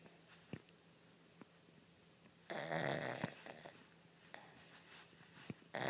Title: Pug snoring in the darkness.